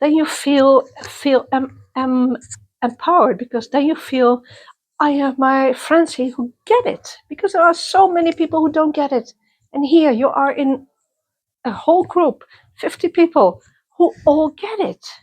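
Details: Person who stutters, interviewed at a youth exchange for people who stutter or clutter; part-word and word repetitions; stuttering.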